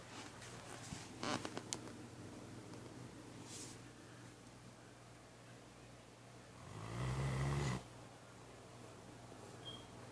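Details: Labrador asleep on a couch, real recording: a single deep, rumbling snore late in the clip after a few faint clicks and rustles in a quiet room.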